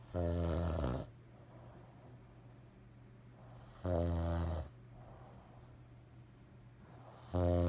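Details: Sleeping father snoring: loud, low, rumbling snores on each breath in, about three in seven seconds, with quiet breathing between; ordinary snoring.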